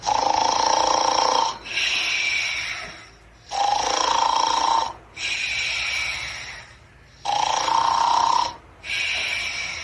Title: Jellbilly is sleeping snore